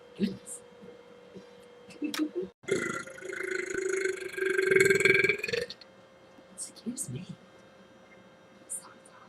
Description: BURP! Oh, my goodness! Excuse me!